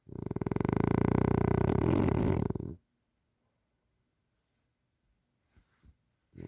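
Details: Loud, steady rattling snore lasting about two and a half seconds, then quiet, from a pet described as a "frenasia" snoring loudly.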